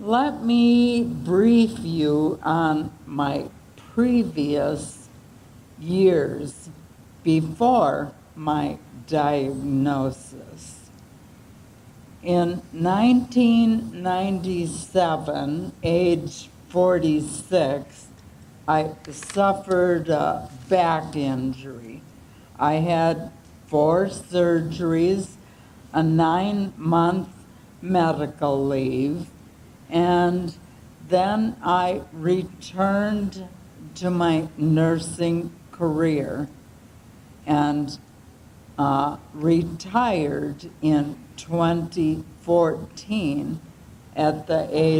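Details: 75-year-old woman with ALS, diagnosed September 2024 after years of falls, reporting slower speech than ever, loss of her singing voice and ongoing voice changes; dysarthria (ALS).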